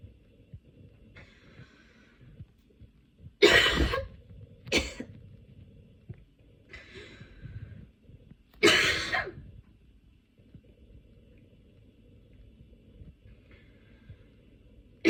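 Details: Two harsh, loud coughs with a short follow-on burst, separated by quiet breathing: a cough from a common cold with runny and blocked nose and painful lungs, brought on during aroma/incense inhalation.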